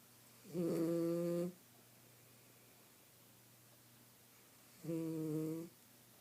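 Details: Sleeping mini schnauzer with two drawn-out, buzzy, tonal snores about four seconds apart, a quiet room between; she is woken afterward. Snoring.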